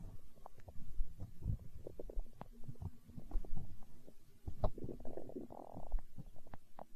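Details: Hunger stomach growl recorded for ASMR: low, irregular gurgling and rumbling with a longer growl near the end; ordinary borborygmi.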